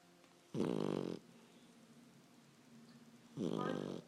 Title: Snoring pup